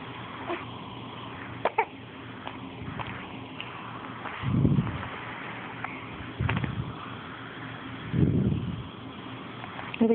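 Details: Infant hiccups lasting minutes: short, abrupt, low-pitched hiccup sounds about every two seconds over a steady background hum with a few clicks; scaring the baby did not stop them.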